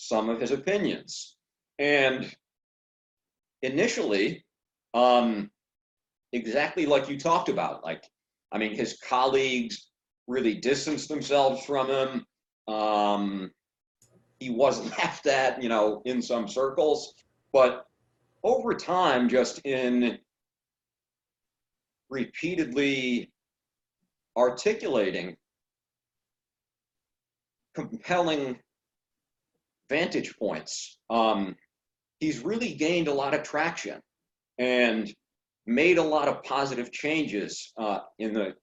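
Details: Adult man who stutters speaking in fragmented phrases with long pauses suggesting blocks; stuttering.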